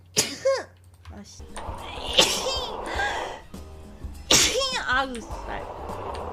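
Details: Female streamer sneezing: two sharp, high-pitched sneezes, each with a quick intake before it, then room noise and faint music; sneeze.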